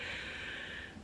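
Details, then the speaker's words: Adult woman's single breath out with a hissing, faintly whistling edge fading at the end: slight expiratory wheeze heard on every exhalation, coming and going, without sore throat or shortness of breath, later diagnosed as sarcoidosis. "It was just wheezing. Whenever I breathed out, you would hear it."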